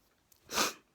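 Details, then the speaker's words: Adult sneezing: one short, breathy, hissing sneeze in a quiet room. "forgot not my camera my phone but i had a really bad sneezing fit before that sort of quickly go and find it"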